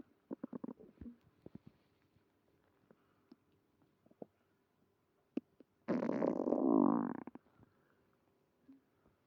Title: Tummy trouble after eating creamy pasta (stomach growling)